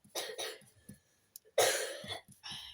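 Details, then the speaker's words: Cough from a son who is still ill and not yet cured despite antibiotics, heard in the background. "Si vous entendez pardon, tousser, c'est mon fils qui est toujours pas guéri."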